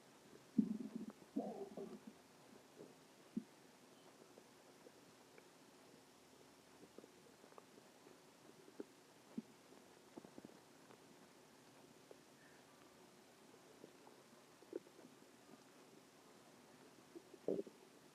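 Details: Stomach growling: quiet gurgles and low rumbles, louder at start and end, with faint clicks between, ordinary borborygmi.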